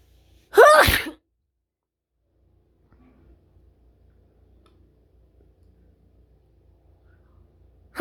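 One sharp, explosive sneeze, then near silence with faint room noise.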